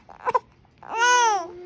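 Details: Infant with hiccups crying: a short catch of breath, then a brief high, tuneful wailing cry that falls in pitch as it trails off.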